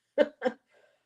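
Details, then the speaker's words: A person sneezes, heard in the background of a livestream. "If you hear that, that's sneezing."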